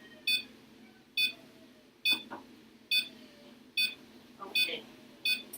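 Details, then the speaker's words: Intubated male animal under general anesthesia with ECG probe and capnography: steady high-pitched monitor beeps, about 70 a minute, each marking a heartbeat; heart rate questioned as a little low, then judged fine; veterinary anesthesia training. "so we have a nice QRS pqrst wave here you can hear it also beeps in time with the heartbeat so you can see the heart rate"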